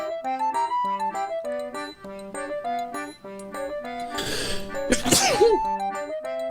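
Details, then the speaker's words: A single loud, explosive sneeze preceded by a brief inward breath, over light background music; ordinary sneeze. "Oh no, I'm about to sneeze. Excuse me. I just sneezed."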